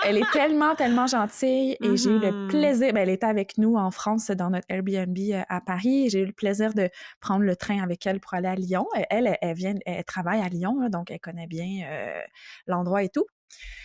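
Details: Adult woman speaking French; no disorder.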